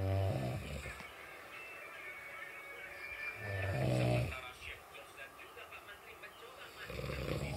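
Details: A sleeper snoring loudly with deep, rumbling snores and faint background sound between them; snoring.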